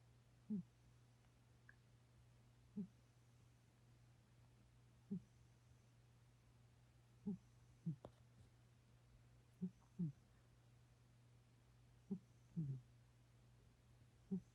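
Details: A sleeping cat snores: soft, short, low snorts recur every couple of seconds over a steady room hum.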